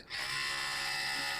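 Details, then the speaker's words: Oral-B Vitality 100 electric toothbrush switched on by its button: a steady high-pitched buzzing hum as the head oscillates. "we switch it on by pressing this button and the oscillation starts"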